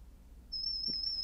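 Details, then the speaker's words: A brief quiet room, then a steady pure high-pitched tone from a free Android hearing test app testing high and low frequencies; the user struggles to hear some tones. "ah this one I heard okay I heard the tone we'll try one more here no didn't hear that one boy this is not good try this one this one I hear okay I heard the tone"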